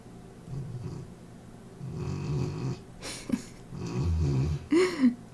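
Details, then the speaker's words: Sleeping dog snoring, as usual for her: rhythmic low rattling breaths with a couple of snorts. "You hear that snoring? It's Aoife again, as usual."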